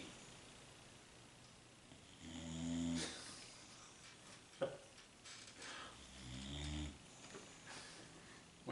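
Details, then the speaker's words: Sleeping dog snoring very loudly: two slow, low buzzing snores about four seconds apart with a soft click between, quiet room noise behind. "ed that dog is snoring very loudly can everybody hear that"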